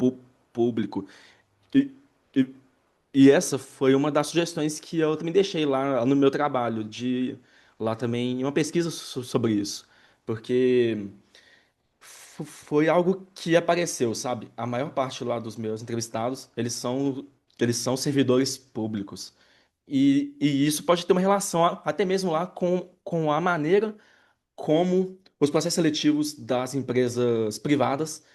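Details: Adult Brazilian Portuguese-speaking man who identifies himself as a person who stutters, in a real interview: stuttering.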